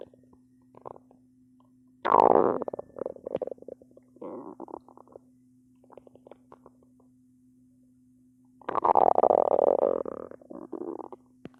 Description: My belly start to growl a lot